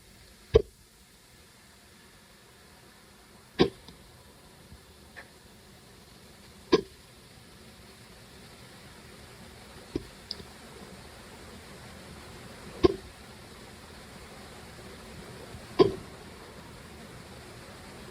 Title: Hiccups again